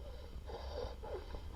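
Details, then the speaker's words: Child on a Friday-night EMS call with croup (laryngotracheitis): harsh, noisy breathing with a hoarse, honking quality, typical inspiratory stridor. "So what is it? I'm going to say it together with me. Laryngotracheitis. All right. Maybe better well known as croup."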